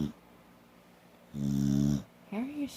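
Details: Dog Red snoring with eyes wide open, lying on Grandma after sleeping all day: a short, loud, buzzing snore followed by a softer rising breath sound; snoring.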